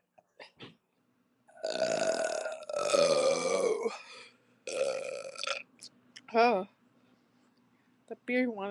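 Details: Adult belching after sharing a six-pack of beer, casual home recording: several long, loud voiced belches with a deep croaking tone between brief laughter; ordinary belching (eructation).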